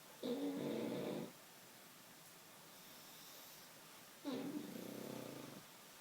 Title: Snoring Pug Quentin sleeps sitting and falls